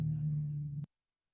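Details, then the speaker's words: Adult man's stomach growling (borborygmi) during a live podcast: a loud, steady, low droning rumble under a second long, cutting off abruptly, likened to a race car. "That was my stomach. That was mine. Sorry. That sounded like a race car. Sounds like a cafe racer on crack."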